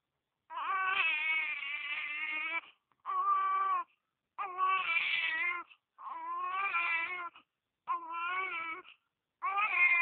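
Sustained rhythmic infant crying in bursts of one to two seconds with short breath pauses, a strong clear cry.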